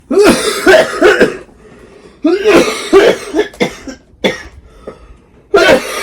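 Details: Child coughing repeatedly in two long runs of about a dozen voiced coughs, then a few single coughs: a coughing fit.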